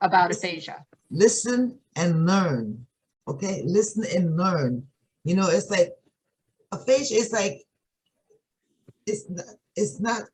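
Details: Aphasia in an adult woman with sudden onset one morning about three and a half years earlier; it is not primary progressive aphasia and is due to stroke or brain injury.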